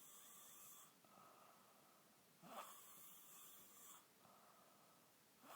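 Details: Wheezy snoring: two long noisy breaths with a high-pitched whistling, wheezy edge over a faint hum.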